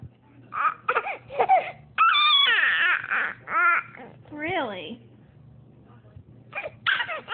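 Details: Baby described as a noisy sneezer: short bursts of infant crying and fussing vocalizations with adult talk in the background; infant cry.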